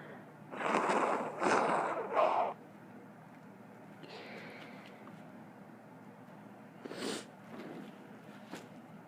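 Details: Three forceful, breathy sneezes in quick succession, then a softer one later, against quiet outdoor background noise; more sneezing.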